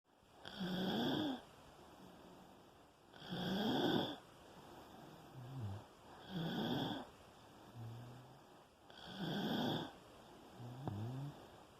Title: Sleeping and snoring with breathing and visible pulse 2